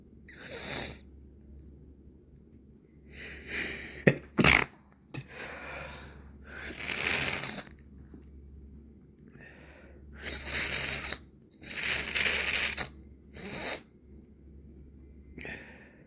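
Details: Evening sneezing from a nose irritated for days: several sneezes, some full and explosive, others stifled and muffled, with sniffling in between from a congested nose.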